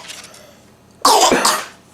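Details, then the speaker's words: Young child at home with a mild cough, per a parent: a single loud, harsh cough burst after a quiet stretch; an ordinary cough. "has a bit of a cough I think so"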